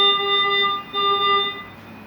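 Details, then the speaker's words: Non-programmable ventilator disconnection and low pressure alarm, set off on purpose during a mechanical ventilator check with passive humidification; steady high-pitched electronic tones repeating with brief gaps. "se va a referir por ejemplo a una desconexión de la ventilación mecánica que puede recibir el paciente voy a estimular la desconectó y ahí me barra desconexión y depresión mina"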